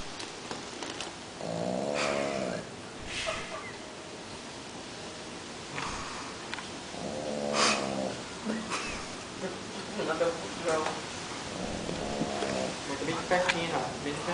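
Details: French Bulldog (flat-faced dog) snoring while asleep: loud, rasping snores with snorting breaths, about one every five seconds, with some background talk.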